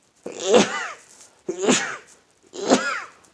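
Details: Morning sneezing: three sneezes about a second apart, each a sharp burst with a voiced cry and a fading tail.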